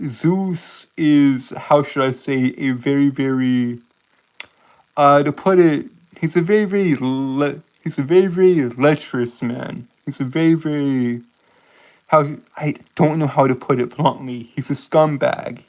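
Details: Stuttering-like disfluency in an adult male streamer who self-reports a speech impediment.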